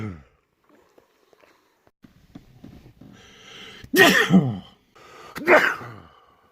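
Two loud, explosive sneezes follow a quiet build-up of breaths, with a brief pause between them.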